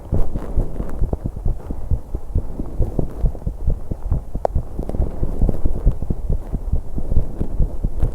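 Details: 21-year-old female, heart and breathing sounds recorded while pedalling an exercise bike: rapid, muffled heartbeat about 136 a minute with breathing noise, recording noisy to capture breath sounds.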